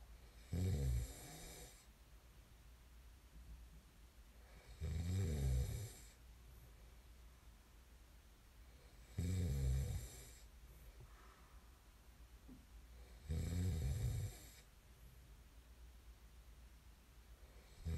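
Loud, rattling snores with each in-breath, about 14 a minute, separated by quieter breathing; ordinary snoring.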